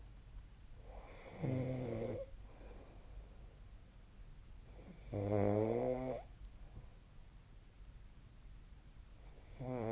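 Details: Snoring during sleep, recorded 2025/01/21: slow, buzzing snores on the in-breath, about 15 a minute, against quiet room hiss.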